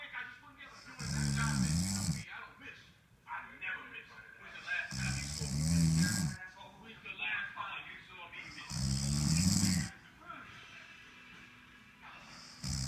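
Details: Man snoring very loudly in sleep: rumbling, buzzing snores about every four seconds, roughly 16 breaths a minute; heavy snoring.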